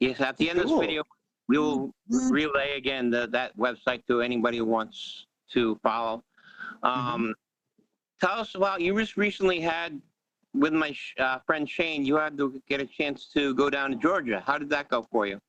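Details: Adult male podcast host; Normal speech.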